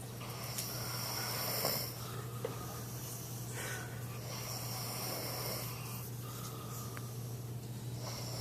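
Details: Female snoring, then a piece of bread placed in her nose to stop it; soft, rough snoring breaths repeating every few seconds over a steady hum and room noise.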